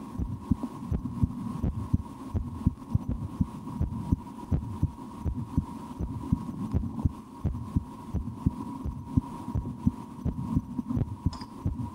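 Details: An adult's own resting heartbeat through a stethoscope: steady soft low thumps with a faint hum behind. Normal heart sounds, with some breath-holding and attempts to speed the heart up; the stomach is also digesting after lunch.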